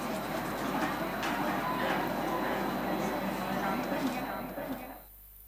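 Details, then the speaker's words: Simulated tinnitus at 40–45 dB, the level reached after treatment, down from 59 dB before: a faint steady high tone beneath cafeteria chatter and clatter. "ahora con el volumen que se lograba después del tratamiento los 40 y 45 decibeles esta sería la situación"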